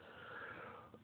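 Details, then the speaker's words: Wheeze: brief high-pitched whistling breath from an adult who reports bronchitis last week, not yet shaken, with a hoarse voice. "excuse me i i apologize in advance as well guys that sounds a little bit hoarse i came down with the bronchitis last week still haven't quite shaken it yet"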